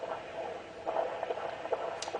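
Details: Rapid, regular whooshing Doppler pulses over hiss, about 140 a minute, during an antenatal abdominal examination of a term pregnancy, counted over 15-second segments: normal fetal heart rate in the 140s.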